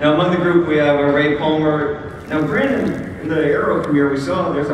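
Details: Adult male speaker; ordinary speech.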